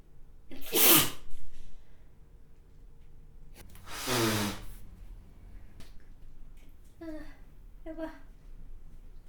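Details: Two loud, forceful sneezes through a face mask, the second with a voiced 'achoo', then brief soft vocal sounds; mask reported soaked.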